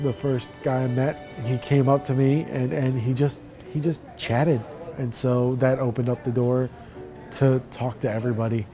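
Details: Man with chronic aphasia after a brain injury such as stroke, attending a two-week intensive aphasia therapy program; speech shows repetitions and hesitations: aphasia.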